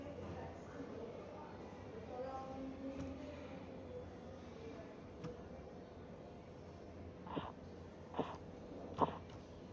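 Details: Korotkoff sounds during blood pressure measurement: systolic 182, sounds disappear at 170 then return (auscultatory gap), finally disappearing at 116.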